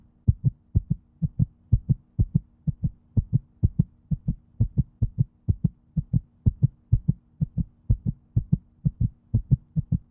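Regular paired lub-dub beats, about 84 a minute, with a faint steady hum behind them.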